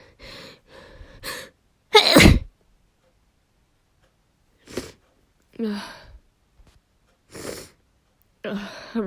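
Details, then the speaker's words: Woman inducing sneezes, announcing it is coming: quick build-up breaths, one loud explosive sneeze, then sniffs and breathy sounds; sneezing. "uh yeah this is working i'm going to sneeze ah i'm gonna sneeze"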